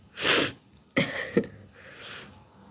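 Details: Adult with a head cold, stuffy nose, itchy congested throat and voice loss in cold foggy weather: a sharp hissing burst, a quick inhale, then a forceful explosive sneeze with a trailing breathy sound.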